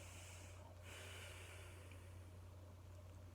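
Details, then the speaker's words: Patient with an abdominal incision doing a post-operative breathing and coughing exercise to prevent pneumonia: one long, hissing deep breath drawn in through the nose over a low hum before coughing twice; deep nasal inspiration. "Take a deep breath in. Take a deep breath through your"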